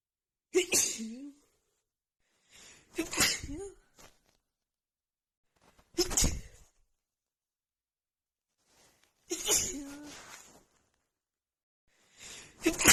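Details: Morning sneezing attack from seasonal allergies acting up just before spring: five forceful sneezes in quick succession, each with a sharp burst and voiced tail; a sneezing fit of allergic rhinitis.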